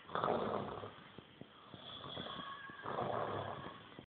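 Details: Two long, rough, rattling breath sounds with quieter breathing between them; snoring.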